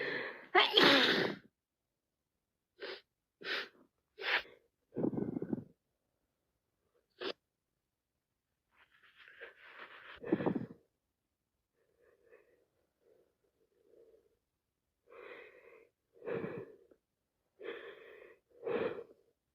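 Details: Person with a wet head cold: two loud sneezes, then repeated short wet sniffs and nasal snorts with congested breathing.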